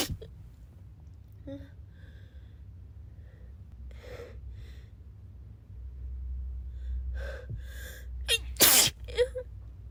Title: sick and sneezing